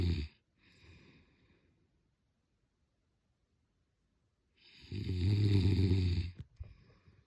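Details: Snoring: two loud, rattling snores on breathing in, separated by a long quiet pause.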